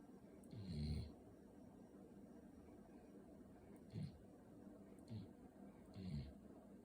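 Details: Sleeping puppy snoring: soft, low snorting snores, a few irregular breaths over several seconds against faint room noise; ordinary sleep snoring.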